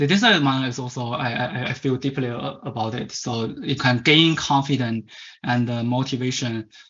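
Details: Stuttering in a Chinese male adult who stutters; as a child of about 10–11 he attended a commercial stuttering "fix" course.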